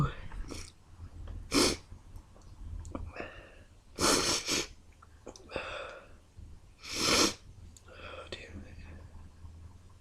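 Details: Part of an intense sneezing fit: three loud, explosive sneezes with quieter breaths between them.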